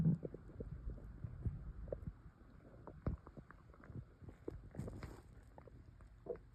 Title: Air swallowing (stomach noises)